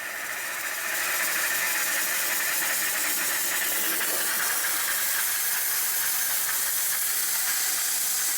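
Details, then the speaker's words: Steady, loud hiss of steam jetting from a Reliable 5100 CD dental lab steamer wand, compared with a budget steamer. "So, here's the steamer from the Reliable 5100 CD. So, here's the steam from the $1,000 steamer"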